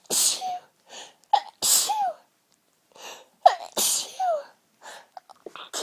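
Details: Sneezes held back as long as possible, apparently with the nose pinched, until the fit broke through: repeated sharp, partly stifled sneezes with short gasping intakes between them.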